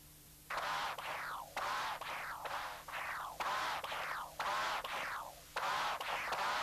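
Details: CW Doppler of a 62-year-old male with a Starr-Edwards mitral prosthesis: loud buzzing musical angry bee murmur from vibrations in the systolic envelope. Prosthetic mitral regurgitation from a torn cusp, confirmed intraoperatively; mild periprosthetic regurgitation also seen.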